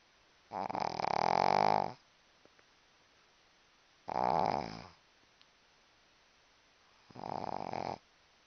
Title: is snoring, now